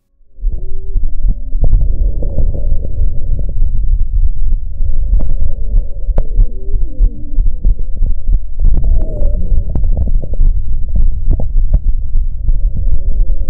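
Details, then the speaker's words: Real recording of a female patient with cystic fibrosis and hypoventilation, auscultated at the lung bases: coarse crackles and musical wheezes heard together in the breath sounds. "en este ejemplo una paciente con fibrosis quística que cursa con hipoventilación presenta crujidos gruesos y sibilancias"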